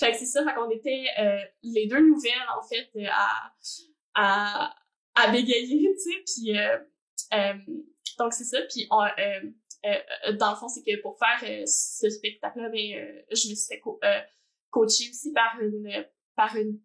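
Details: Adult woman who stutters, also has ADHD and has had speech therapy, speaking French; stuttering.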